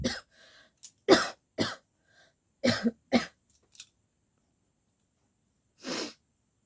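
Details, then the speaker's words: Deliberately faked coughing by a woman with no cold, attempting a coughing challenge: seven short, sharp dry coughs in an irregular run, then a pause and one more; voluntary cough. "पर हम कोशिश करेंगे कि जो fake है वही करने का बट यह सच है फेक करते करते ना रियल आ जाता है यार सच में"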